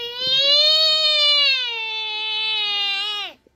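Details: Infant crying during tummy time: one sustained, high-pitched, clear-toned wail lasting about three seconds, fading at the end; infant cry.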